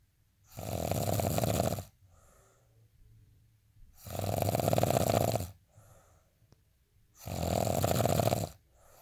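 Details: Steady sleep snoring: loud, rough snores with each breath in, about 18 a minute, with quiet breathing out between them.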